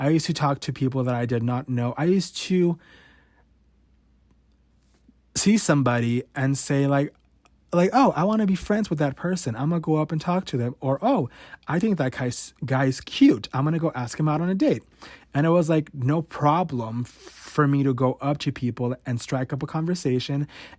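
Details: Adult male podcast host who has stuttered since about age 5 or 6, worse since his teens, showing his real, unedited stutter: stuttering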